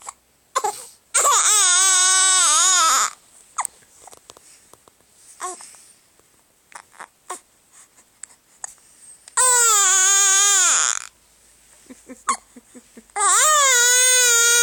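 Three long, high-pitched wailing infant cries separated by quiet whimpers and breaths, an ordinary baby cry.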